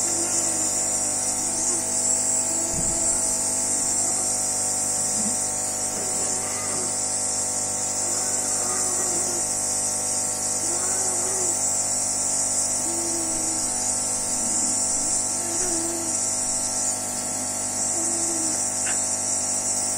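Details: Nebulizer compressor running with a steady high-pitched hum during a daily budesonide nebulizer treatment through a face mask, to open the airway of a patient who has often needed extra oxygen lately; previously used albuterol.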